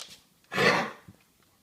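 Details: Cough from Derby, who has been unwell and seems to be improving.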